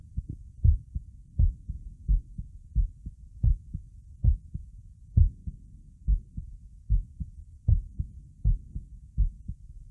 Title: Visible neck pulse + heartbeat sound